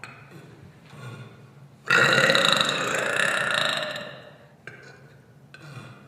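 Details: Person producing a loud burp: one long, rumbling belch lasting about two seconds in a quiet room. Burping.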